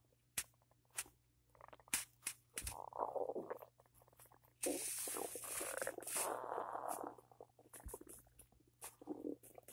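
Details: Loud morning stomach rumbling after cereal with peanut butter and a cup of coffee: irregular gurgles, pops and squeaky rumbles from the belly over a faint steady hum, ordinary borborygmi.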